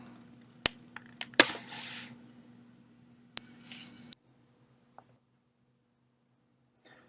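After a few clicks and handling noises, a brief, steady, high-pitched ringing tone plays: a simulated example of tinnitus.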